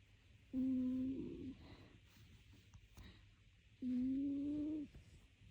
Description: Snoring cat